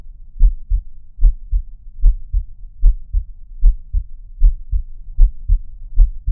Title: 콩닥콩닥 심장 소리로 1분동안 힐링하기｜Heart Beat Triggers for sleep [No talking]｜他人の心の音で1分間癒す｜用别人的心音治愈1分钟